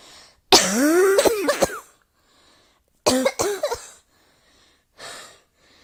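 Repeated coughing bouts, the first long and strained, the second shorter, with a breath drawn in between. A plain cough, heard indoors.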